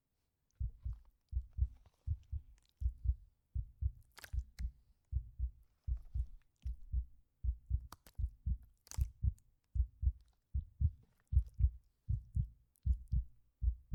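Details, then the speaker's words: Steady, regular paired heart thumps at about 77 a minute, a normal healthy heartbeat, in an ASMR roleplay of a nurse checking a fevered patient; simulated exam, not a real patient. "Very good. Your heartbeat is sounding nice and healthy."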